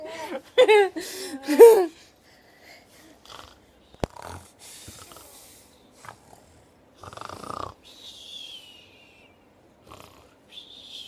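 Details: A few loud snorting snores at the start, then quiet breathing with faint noises in a silent room; snoring.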